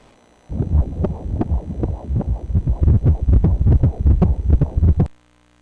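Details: Fetal heartbeat at 27 weeks of pregnancy on ultrasound Doppler: rapid, fast, regular whooshing pulses.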